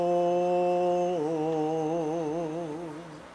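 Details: Opera singer's larynx shown during phonation, vocal fold vibration producing the sound: normal singing voice.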